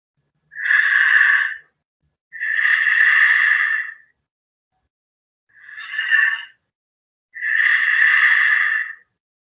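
Quiet, unhurried breathing, two full in-and-out cycles with pauses between breaths; bradypnea, a slowed breathing rate.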